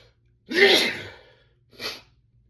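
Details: Male sneezing: one loud, forceful sneeze followed by a smaller second sneeze, with a faint background hum.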